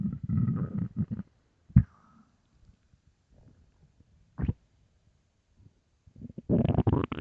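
Low gurgling rumbles and squeaky bursts separated by quiet gaps: ordinary stomach growling of a hungry stomach.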